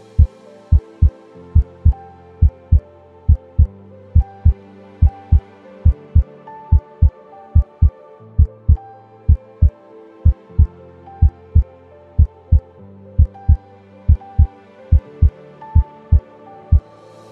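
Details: Normal heart sounds, S1 and S2, detected contactlessly by a radar vital-sign system that monitors heart sounds, heartbeat and respiration.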